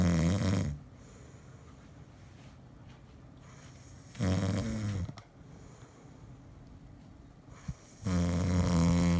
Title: Snoring Asmr 😌🌙😌🌙